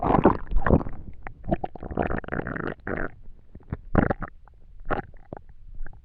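Irregular low gurgles, bubbling squelches and brief rumbles come in scattered bursts with quiet gaps, the ordinary stomach noises of digestion.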